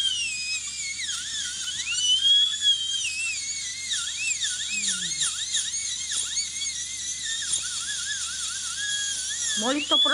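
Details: Steady high dental drill whine, wavering in pitch as it cleans, cuts and polishes a plastic (plexiglass) denture brought in for repair, with brief voices in the room.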